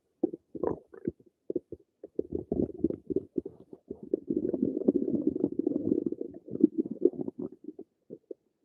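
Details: Ordinary bowel sounds (borborygmi) from a person's own stomach: gurgling stomach noises.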